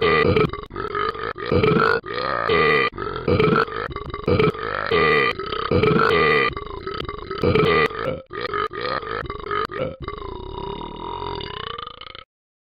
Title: Burping Tom